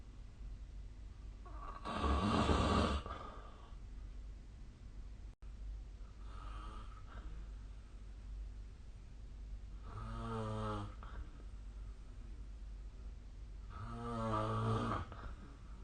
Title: 👃 本日のイビキ / Snoring Sleep Sound 2024/12/25